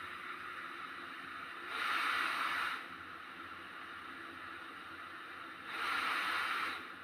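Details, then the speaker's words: Byond B30P BiPAP machine running after settings and pressure mode are set: steady blower hiss with two rising airflow surges about four seconds apart, the machine cycling normally. "നമുക്ക് അതുപോലെ തന്നെ machine start ചെയ്തുകൊണ്ടിരിക്കുന്ന സമയത്ത് അതായത് ഇപ്പോ work ചെയ്തുകൊണ്ടിരിക്കുകയാണ്."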